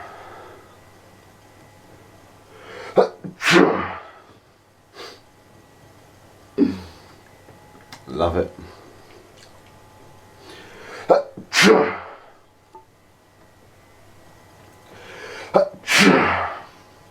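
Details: Person with allergies flaring up: repeated short, quick sneezes, each preceded by a sharp in-breath, roughly six sneezes in seventeen seconds.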